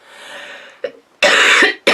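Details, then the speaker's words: Adult woman who is sick: a short throat-clearing sound, then two harsh dry coughs. "i'm sorry about the coughs i might even edit those out with the sound bite"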